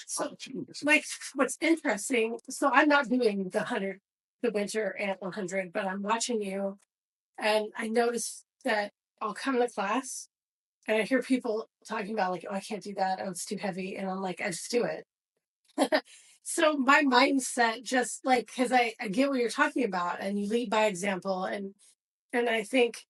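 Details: Adult woman speaking; normal speech.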